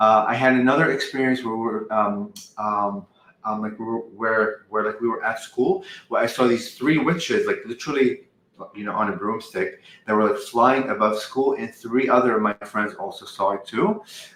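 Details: 44-year-old man who has stuttered all his life, since at least age five, with a family history on his father's side; uses "um" and "like" to transition, and sometimes words don't come out; stuttering.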